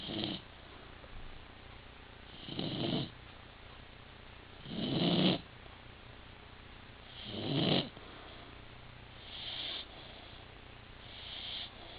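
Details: Rottweiler sleeping after a long day of playing: regular rattling snores every two to three seconds, roughly 24 a minute, over faint hiss.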